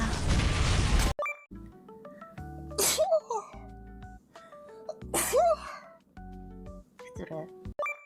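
Two sharp sneezes over background electronic music, with brief voice sounds after each.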